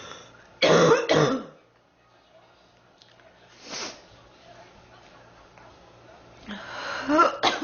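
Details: Girl sick for three weeks, feeling hot and unwell, coughing; a quick pair of harsh coughs, a faint one in the pause, then a strained cough with throat clearing.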